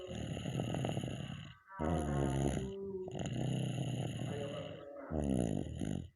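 Loud, rough, rattling snores in long bursts with brief quiet gaps between breaths, over a steady high background hum.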